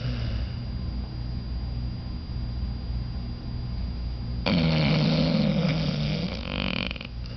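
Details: Sleeping pit bull guard dog snoring: low rumbling breathing that grows into a louder rattling snore partway through.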